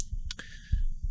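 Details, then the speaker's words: Own adult heartbeat recorded with a Stemoscope digital stethoscope strapped to the body during a live performance, played back via iPhone app into Ableton Live: soft, low thumps with a couple of sharp clicks over them. "i'm just playing back a recording i did"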